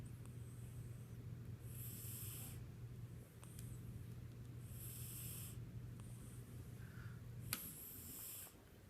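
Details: Yellow tabby cat snoring, first mistaken for a child's sound: soft, hissing, snore-like breaths about every three seconds over a low steady hum.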